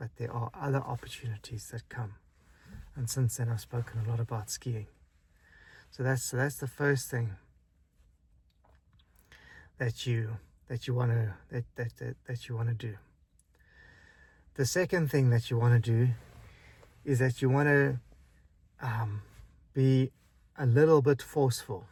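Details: Man who stutters; stuttering.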